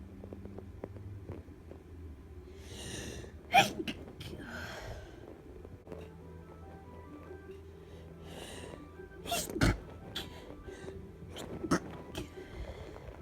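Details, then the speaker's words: Several sneezes, some stifled (around friends and family) and some let out (when alone), over soft background music; sneezing from a head cold with stuffiness and runny nose, feeling otherwise fine. "I have kind of like half a cold, I'm quite stuffy and my nose runs quite a bit, but I feel fine in myself."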